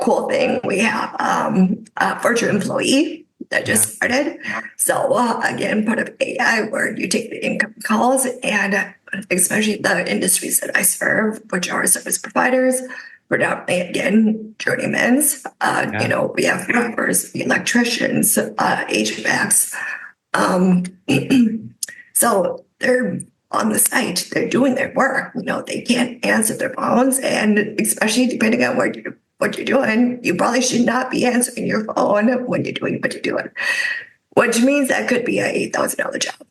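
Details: Adult woman with spasmodic dysphonia caused by neck trauma about 5 years ago, unable to speak for about 2 years, treated with neck Botox injections that help but do not cure; spasmodic dysphonia.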